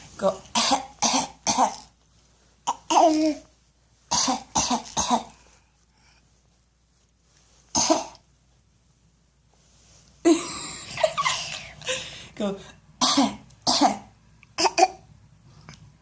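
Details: A child gives several clusters of short, sharp coughs mixed with brief voiced sounds in a quiet room; cough.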